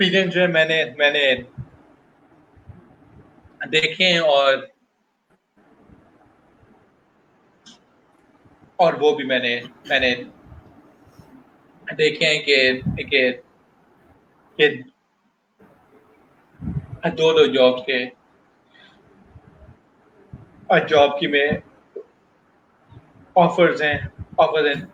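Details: Adult male professional who stutters, speaking Hindi/Urdu while telling his life and career story; stuttering.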